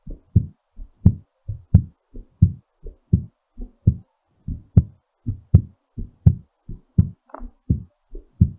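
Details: Regular paired heart thumps at about 83 beats per minute, slowing during recovery after exercise; normal heartbeat.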